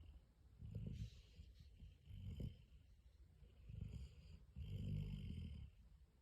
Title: 30 seconds of Graysie the Weimaraner snoring away on the couch…